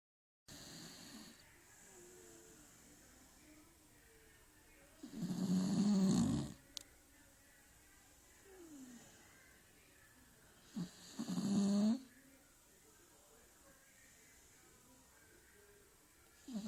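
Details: Sleeping Beagle snoring: two loud, rattling snores on breathing in, about six seconds apart, with quieter breathing between against steady room noise.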